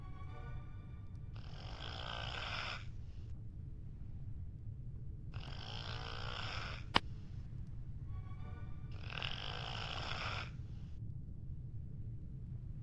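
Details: Three long, rough, rattling snores spaced about four seconds apart (roughly 15 breaths a minute) over a steady low hum; snoring.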